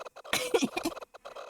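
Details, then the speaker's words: An adult with asthma, said to be triggered by summer air, gives a single sharp cough burst with a short, rough, voiced tail. "And again, I apologize for my asthma. I know I shouldn't apologize because it's my own it's my own body that can't handle the air, the summer air, but still."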